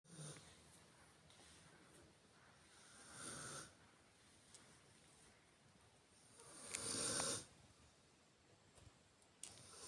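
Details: Funny loud snoring during sleep: two breathy, rasping snores about four seconds apart over quiet room noise; snoring.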